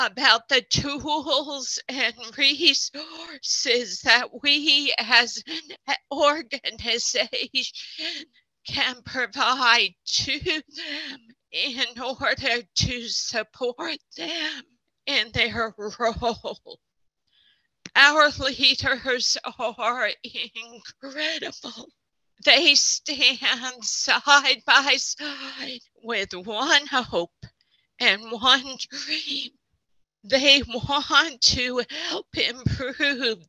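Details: Adult speaker who counts himself among people with spasmodic dysphonia; spasmodic dysphonia.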